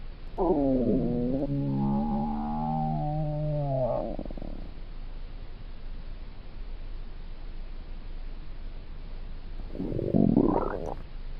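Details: Long gurgling, groaning rumbles with shifting pitch, then a shorter bubbling gurgle; stomach rumbling (borborygmi) from hunger, ordinary gut noise.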